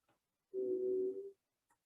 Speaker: sounds like a whistling right high pitch whistling like a train that is air trying to travel through a very narrow airway